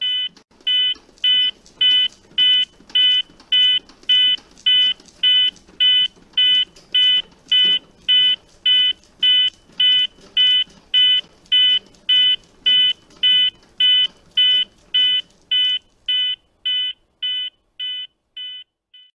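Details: ZOLL X Series defibrillator Real CPR Help, using accelerometer electrode pads (CPR Stat-padz/Uni-padz): regular electronic metronome beeps at about 105 a minute, fading at the end, pacing chest compressions within the 100–120 target.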